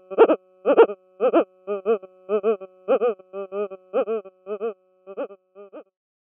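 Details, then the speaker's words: EEG converted to sound ("brain stethoscope"): rhythmic, voice-like tonal bursts about 100 a minute, replacing the calm background hum with prominent high-amplitude rhythmicity, an intense, almost screaming sound; non-convulsive (silent) epileptic seizure. "when a seizure condition exists there's no longer that calm background hum it's very very prominent high amplitude rhythmicity you hear an intense sound and you hear it kind of almost screaming"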